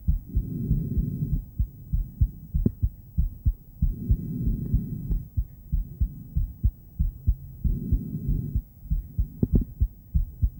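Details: Female heartbeat on an ultrasonic Doppler device: regular low thumps at about 95 per minute, with whooshing swells of flow noise.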